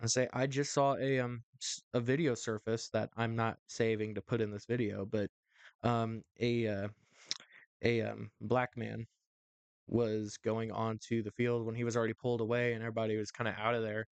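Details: Adult male co-host who says his stuttering is worse in front of a camera or with someone important and happens every so often; stuttering.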